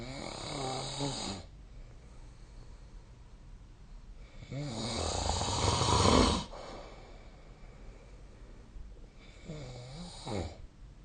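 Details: Snoring: loud, rattling snores, three in about eleven seconds, each with a harsh fluttering buzz on the breath; heavy sleep snoring.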